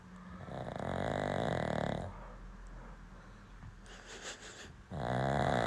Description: Watch this adorable white dog enjoy a peaceful nap on a comfy pillow. This sleepy pup is snoring so loudly!